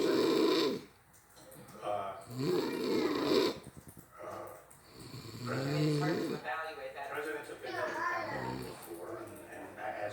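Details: Loud, rumbling, vibrating breaths with irregular pauses and snorts: heavy snoring, jokingly compared to a snoring bear.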